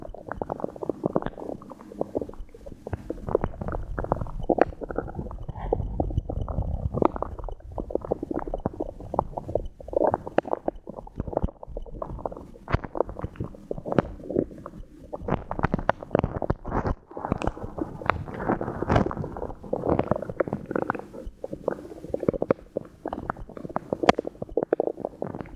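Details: 23-year-old woman after drinking water and swallowing air: continuous abdominal gurgling and rumbling as gas and fluid move through the gut; active bowel sounds (borborygmi).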